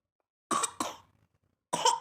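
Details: Three short, loose coughs from a young child named as unwell with cough and cold: two close together, then a third after a pause.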